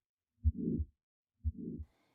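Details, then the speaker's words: Simulated aortic stenosis case on an online auscultation education simulator, heard over the neck area: heart sounds with a harsh murmur filling the gap after the first sound, typical of aortic stenosis. "in the case of aes you can listen to the as murmur on the neck area"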